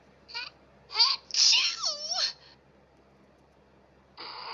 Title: Girly Voice Sneezing